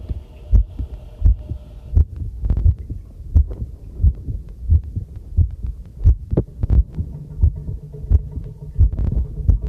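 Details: Own normal heartbeat recorded with a homemade field stethoscope microphone during housework: steady low thumps at about 87 a minute, with running tap water and clinking tableware behind.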